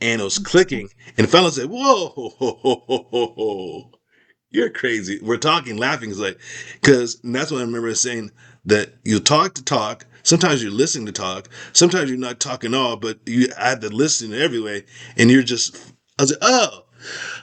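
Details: Aphasia after a stroke in an adult man whose skull was removed during recovery, with word-finding problems, repetitions and garbled sentences.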